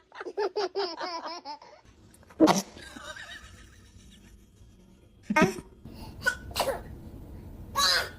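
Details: Baby sneezing: about four small, sharp infant sneezes in quick succession, with laughter and repeated "bless you" from people nearby.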